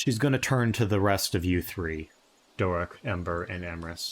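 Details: Adult male speaker; Normal speech.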